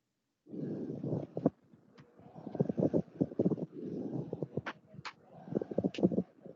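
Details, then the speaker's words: Pleural friction rub heard during auscultation teaching: coarse, creaking, grating bursts with each breath phase, like leather rubbing on leather, from the two pleural layers rubbing together. "aunque también podemos encontrar un frote pleural en tumores cerebrales porque porque este tumor nos bastará compactando las 2 p horas bueno la pleura con la otra y se escucha así como esto junto a otros"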